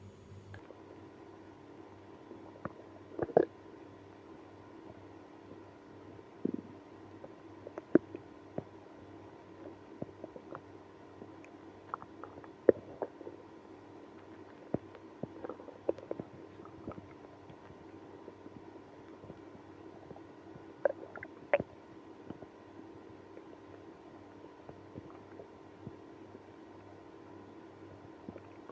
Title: Drinking milk and prune juice when having ibs (stomach growling, moaning)